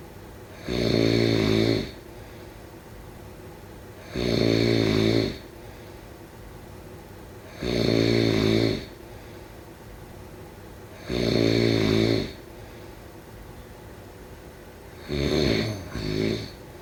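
Regular loud rattling snores every three to four seconds, about 17 a minute, with quiet pauses between; typical snoring in sleep.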